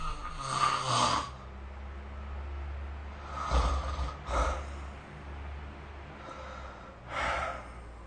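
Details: Ordinary snoring during sleep, recorded with the SnoreLab snoring app: rough, fluttering snores recur at uneven intervals over a steady low background hum.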